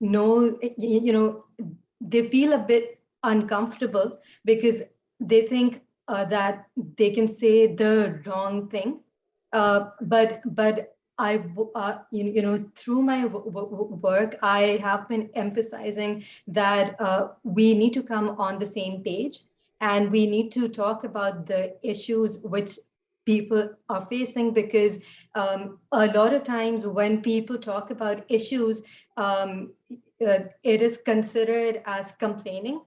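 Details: Adult woman who stutters, noting fasting and poor sleep take a toll on her speech; stuttering.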